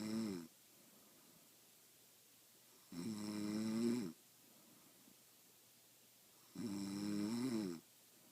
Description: My friend who says she don't snore. I got the proof. Lmao